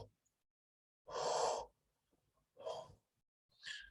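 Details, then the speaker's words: Simulated cavernous (amphoric) breath sound imitated by mouth with lips shaped as if saying "o": hollow, low-pitched blowing breaths, likened to resonance in a large empty room, as over an air-filled lung cavity. "Entonces en este caso acústicamente se le ha Comparado como cuando ustedes estarían pondrían los labios dispuestos a pronunciar la letra g g ya entonces perdón la letra o Entonces se escucha como más o menos así"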